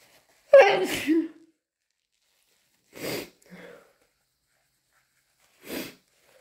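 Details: Someone with possible hayfever (itchy, watery eyes, itchy ears) and a nose always sensitive in the morning deliberately induces sneezing: one loud, voiced sneeze with a wet finish, then two short nasal sniffs or blows, leaving them snotty and stuffy.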